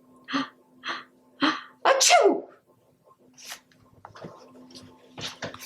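Several short breathy bursts build to one loud explosive sneeze, with a steady background hum; an acted sneeze in a story reading.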